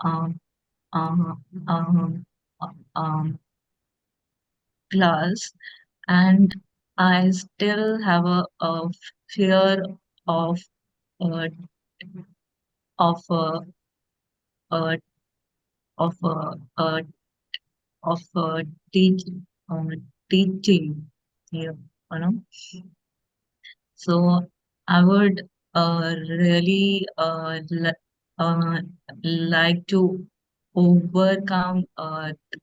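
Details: Woman who stammers; stuttering.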